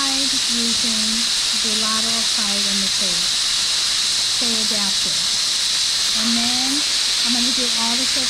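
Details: Magnetostrictive ultrasonic scaler used on a typodont, mandibular anterior sextant, dental hygiene training: steady high hiss with water spray and brief squealing tones as the tip works the teeth.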